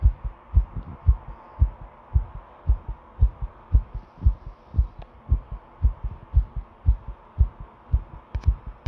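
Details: Heartbeat: a strong, regular, pounding heartbeat at roughly 113 beats a minute; a fast but steady rhythm.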